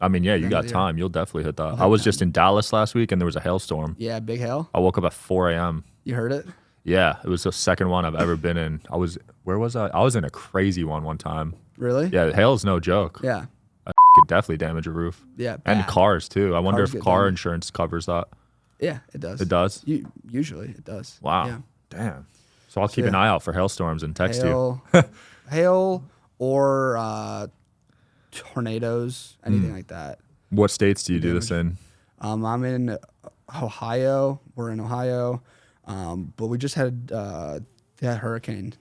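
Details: Man, 21, with a severe stutter since 4th grade; severity varies and is worse when he consciously processes what he says; stuttering.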